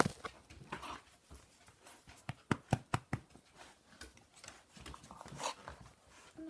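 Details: Dog coughing, a small cough while owner asks if it is a bit of snuffle; cough.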